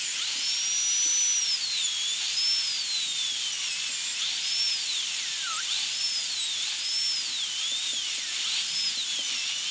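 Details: High-speed dental handpiece with a steady high-pitched whine, pitch dipping and rising as the bur cuts guide cuts along the triangular ridge of upper molar tooth #3, during a full zirconia crown preparation with a rounded shoulder.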